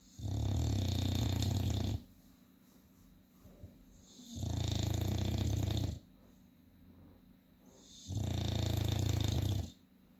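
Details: Sleeping dog snoring: three loud, low rattling snores, each under two seconds, separated by quiet pauses, about 18 a minute.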